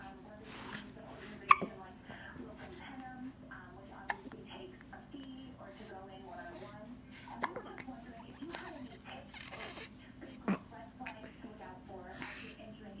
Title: Hiccuping burping crying baby